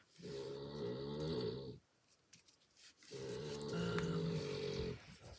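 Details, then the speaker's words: One of the narrator's pet puppies, a dog, snores in two long, buzzing, tonal breaths separated by a short quiet gap: snoring. "it's Riley snoring away I appreciate you guys in the comments saying that you don't mind the puppies and it makes you giggle to hear them snore so that makes me feel better thank you"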